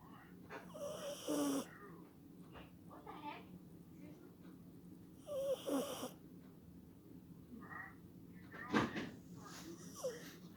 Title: Dog snoring